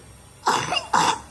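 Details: Cough of a baby with a bad cold, crying, now on medicine.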